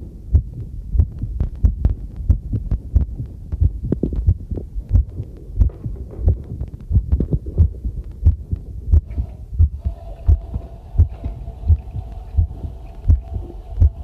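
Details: Heartbeat recorded on myself with a new homemade "field" stethoscope microphone on its first trial, during housework: regular thudding at about 90 a minute, with tap water running and tableware clinking behind; normal heartbeat.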